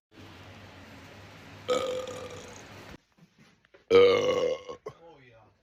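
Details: Two loud, drawn-out voiced belches with a brief pause between them, from a man in a burp compilation with Italian speech nearby; ordinary burping.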